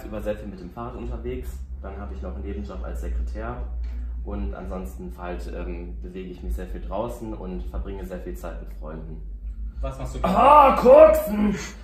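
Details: Vocal tics in a German-speaking man living with Tourette syndrome, answering interview questions; tics may occur during speech.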